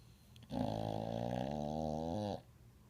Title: My Dog Snores